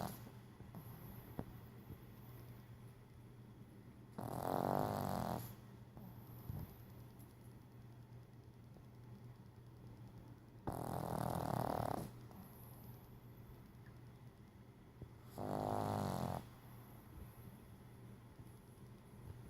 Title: Murphy snoring